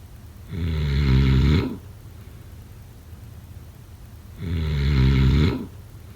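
Two loud, low, rattling snores on the in-breath, with quiet pauses between them.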